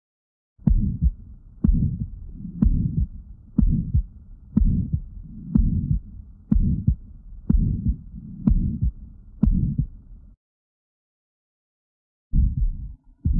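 Regular heartbeat near 60 a minute with a harsh low murmur filling each beat: subaortic stenosis.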